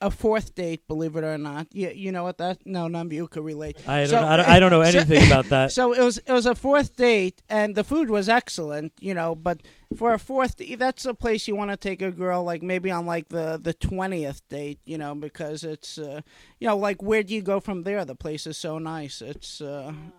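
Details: Adult male speaker; Normal conversational speech.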